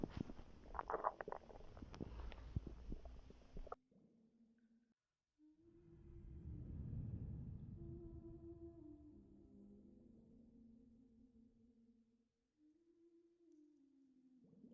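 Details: Stomach growling of a pregnant woman, recorded before contractions began: noisy start, then long low gurgling rumbles with drawn-out tonal groans; bowel sounds.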